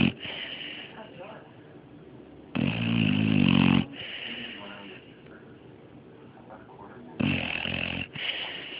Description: My 6 month old pitbull, Mario, snoring away :)